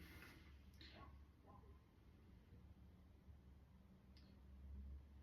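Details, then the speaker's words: Normal bowel sounds on stethoscope auscultation over the mesogastrium and hypogastrium in a patient without abdominal pain, hepatomegaly or fluid on percussion: quiet rumble with a few soft gurgles and clicks. "lo cual se escuchan ruidos aéreos normales vamos con el mesogastrio igual seguimos escuchando eh ruidos aéreos hidroaéreos normales"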